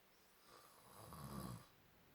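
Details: Man who denies snoring, recorded snoring: a single snore building into a deep, rough rumble, then fading; ordinary snoring.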